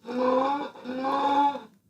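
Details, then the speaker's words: Real patient with multiple system atrophy: two harsh, high-pitched, musical breaths during sleep, lasting all night, waxing and waning, worse in REM sleep, from vocal cord imbalance, risking sudden death: nocturnal stridor. "예, 또 없어졌다가 또 심해졌다가 특히 렘 수면이라고 하는 수면 단계 때 확 심해지는 그런 특징을 갖습니다. 그래서 이거는 성대 쪽에 이제 불균형이 생기는 거거든요."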